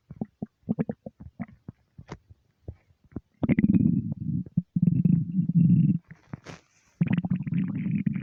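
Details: Empty stomach rumbling: gurgles and low, bubbling rumbles in irregular bursts with longer growling stretches; ordinary borborygmi.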